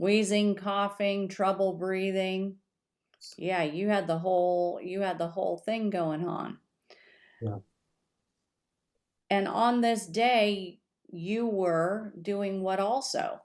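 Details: Adult speaker in conversation; ordinary speech.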